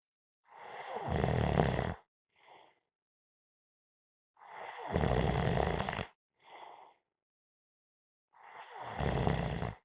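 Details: Snoring while napping: long rattling snores on each breath in, followed by a short soft breath out, about every four seconds.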